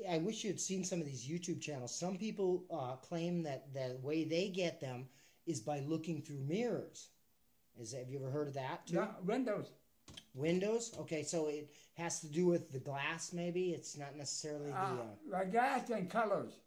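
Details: Adult speaker; ordinary speech.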